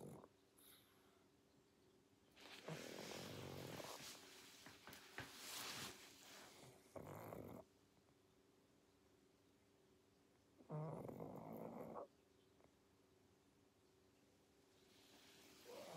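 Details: Sleeping pug: irregular snuffling snores and snorts over a faint steady room hum, noisy breathing during sleep; snoring.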